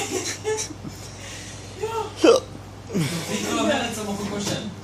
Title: Hiccups are no fun